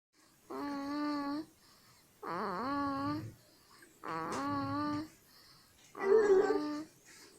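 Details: Four drawn-out, wavering cries from an infant, each about a second long with short pauses between; an ordinary baby cry.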